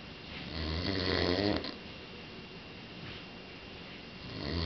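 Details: Adult man snoring during sleep, described as so loud a bear was suspected; low, buzzing, rattling breath with quiet breathing after and the next one starting at the end.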